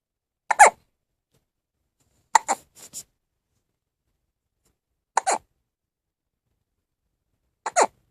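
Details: Four brief, sharp hiccups spaced a few seconds apart in a quiet room; hiccups.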